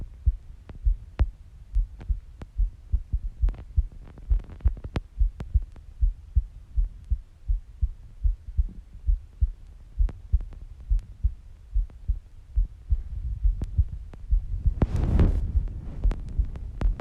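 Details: Female adult heartbeat: steady low thumping with paired beats near 85 a minute and a brief rustle near the end; normal heartbeat.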